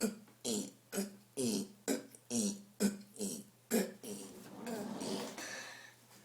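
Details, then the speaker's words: Child doing a burp challenge after drinking a beverage: about eight loud voiced belches in quick succession over six seconds, then a longer drawn-out belch; repeated deliberate burping. "I am epic at burping, guys. Absolutely epic."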